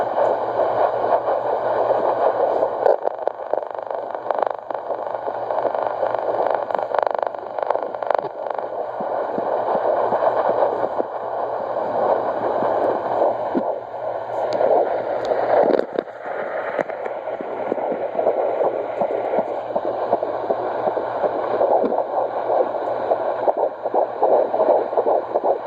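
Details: 13 weeks pregnant, home fetal heart rate Doppler: rapid whooshing pulses through steady static, fetal heartbeat about 165 beats a minute.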